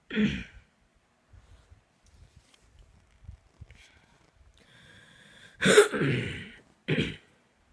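Three harsh cough bursts with faint breathing and rustling between them, part of a night-time coughing fit.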